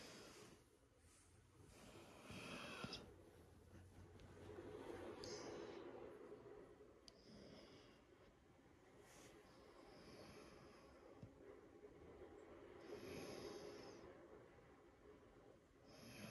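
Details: Sleeping piglet's noisy breathing: soft snorting, grunting and whistling breath noises with slow swells of louder breathing; ordinary sleep sounds.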